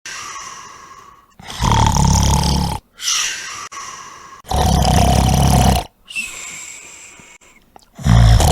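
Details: Comic imitation of snoring from a TV comedy (Mr Bean): three loud, exaggerated rattling snores within about eight seconds, with whistling sounds between them; snoring.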